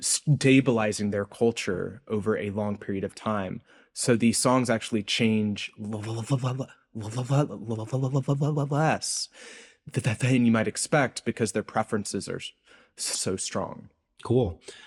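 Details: Adult male postdoctoral researcher, self-reported speech impediment audible throughout an interview; this stretch has word repetitions; stuttering (disfluent speech with repetitions).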